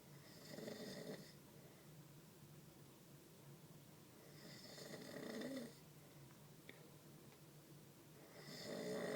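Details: Adult habitual snoring recorded on a phone, which picks up only about 60% of the volume: loud, rough snores about every four seconds, roughly 15 breaths a minute, with quiet exhalations between.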